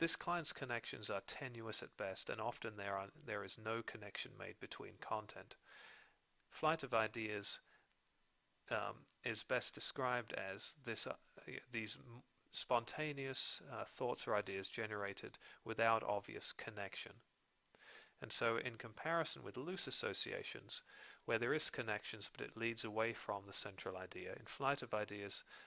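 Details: Adult male speaker; typical speech.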